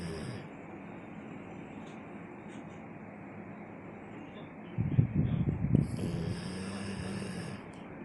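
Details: Sleeping dog snoring loudly while lying on its owner's chest: a brief burst of low, rumbling, fluttery snorting over room hum, fading into a soft drawn-out breath.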